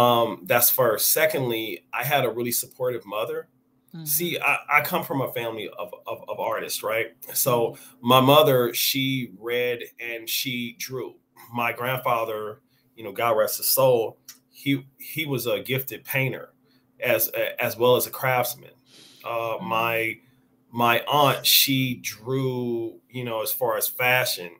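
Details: Adult man with a stutter present since age five or six, noticeable over extended conversation and more pronounced after drinks. Stuttering.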